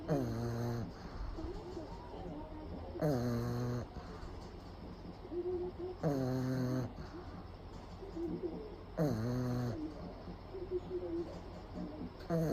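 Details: Pug napping with eyes rolled back to the whites: loud rattling snores on each inward breath, about 20 a minute, with quieter whistly breathing between; snoring.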